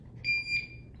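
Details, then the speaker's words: Two sharp, high-pitched electronic beeps in quick succession from a Curlin home infusion pump, demonstrated by a nurse; downstream occlusion alarm caused by a closed clamp on the line. "it says there's a down occlusion somewhere so I'm going to look I'm going to check my clamps"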